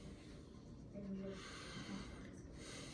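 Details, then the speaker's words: Normal breath sounds: soft rushing breath noise heard by stethoscope over a male patient's anterior chest, with no wheezes or crackles and no shortness of breath or breathing difficulty. "i didn't hear any wheeze into his anterior chest nor did i hear any crackles okay"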